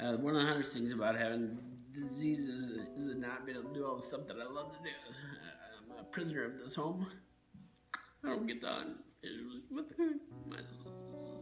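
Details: Man with Huntington's disease, diagnosed HD-positive and retired at age 38; the disease causes trouble speaking and swallowing; dysarthria (Huntington's disease).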